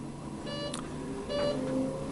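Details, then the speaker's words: Life Pulse ventilator at the end of its system self-test, left in standby mode: two short electronic alarm tones over room hum. Ventilator audible alarm. "the test procedure will end with live polls in the standby mode and an audible alarm sounding"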